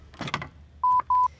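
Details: Medtronic LifePak AED in a training demonstration: rustle of the lid opening, then two short steady electronic power-on tones as the defibrillator switches on.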